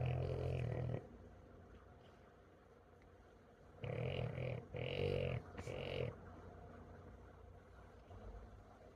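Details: Pug (short-nosed dog) snoring: low, grunting snore bursts in a short run after a quieter pause.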